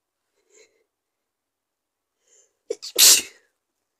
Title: Four sneezes and a little bit of spray 💕